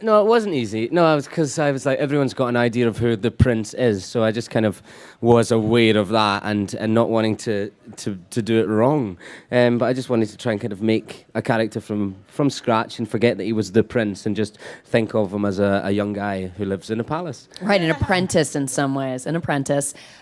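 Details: Adult man speaking in an interview; ordinary speech.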